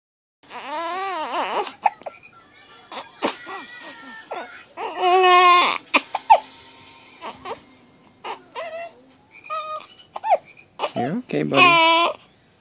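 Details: Fussy, high-pitched, repeated wails with short gaps from a 3-week-old infant who has hiccups; infant cry.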